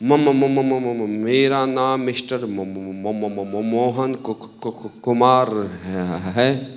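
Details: Acted, not real: a male narrator imitates a salesman who stammers while introducing himself on stage, repeating sounds and words; stuttering (imitated).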